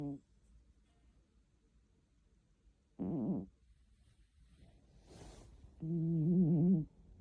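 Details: Snoring in a sleeping cat in a quiet room: a few fluttering, buzzy breath sounds with a soft breathy intake between them.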